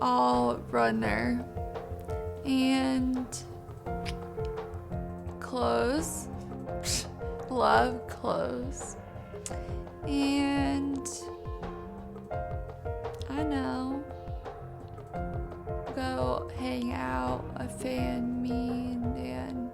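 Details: Teenage girl with aphasia from a stroke at age 16 that damaged the brain's communication area, affecting speaking, reading and writing; she was mute on waking from a coma; now answers in short, halting fragments.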